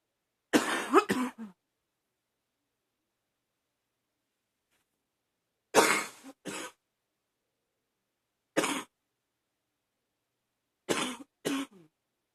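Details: Barking cough on waking in the morning, attributed to allergies, with wheezing: four bouts of harsh, dry, barking coughs, mostly in pairs, separated by quiet pauses.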